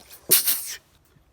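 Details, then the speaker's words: Sneeze after feeling sneezes coming on all day: one short, sharp, hissy sneeze burst in a quiet room. "folks well that was a different sneeze i guess"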